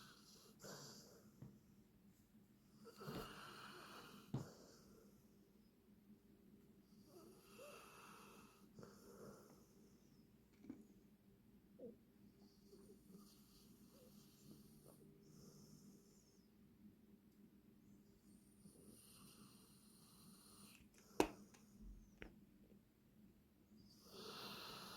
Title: Sleepy, Snoring Puppy Dawgie so cute #akydg